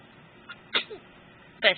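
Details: Two short, sharp sneezes with a faint lead-in breath, recorded in 2013; sneezing.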